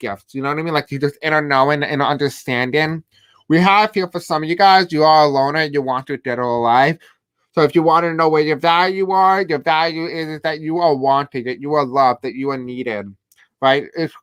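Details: Deaf speech in an adult male host who says he has a deaf accent and has a hard time pronouncing certain words.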